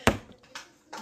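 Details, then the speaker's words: Young woman's evening hiccup, her third bout that day: single sharp sudden gulping burst followed by soft breathy sounds in a small room; hiccups. "I have the hiccups this is the third time today that I've had the hiccups"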